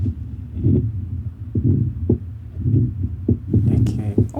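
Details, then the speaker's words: Recorded heart sound of patients with aortic valve disease, played by a cardiology team: low, rumbling, whooshing heart sounds repeating in rough cycles, a harsh, gurgling murmur; aortic valve murmur. "Now, I'll play the heartbeat sound of patients with aortic valve problems"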